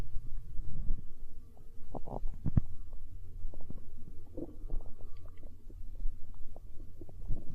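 Low rumbling and gurgling with bubbly pops from the belly; ordinary stomach growling, a normal bowel sound.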